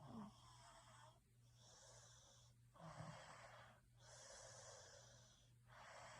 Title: Snoring sounds for sleeping 💤